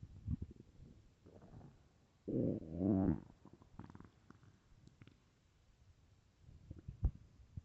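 Low gurgling growls with a louder rumbling groan in the middle: stomach growling from hunger, a normal bowel sound.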